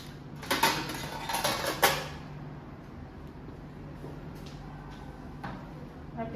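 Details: Nursing training after an injection from an ampoule: the needle is recapped and dropped into a sharps box, with metallic and plastic clinks and rattles of equipment being gathered up, then quiet room noise.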